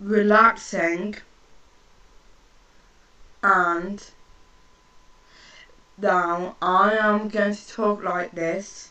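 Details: Woman with a stammer, with repetitions and long pauses while talking to her sister; stuttering.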